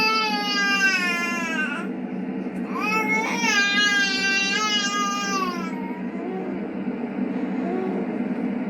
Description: just a very bad quality but hilarious of the sounds my baby makes when I put him to bed! he sounds like a whining kitty🤣🤣🤣🤣